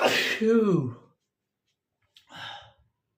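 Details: Male sneezing, from a set of photic, random and cold sneezes; a single loud sneeze with a sharp burst and falling voiced tail, then after a pause a short breathy sound.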